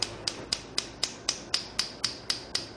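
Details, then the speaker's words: Shockwave therapy on a sedated horse's tendon lesion: sharp, regular snapping clicks about four per second as the unit delivers pulses. "it so uh this stage of the game the machine shuts off at a thousand shocks automatically so it can't fall asleep at the wheel"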